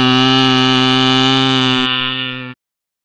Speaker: there might be a tuning fork of the wrong frequency this is not because we want to catch you out but because the exam organizers simply put all the tuning forks that they have by the beds 128 sounds like this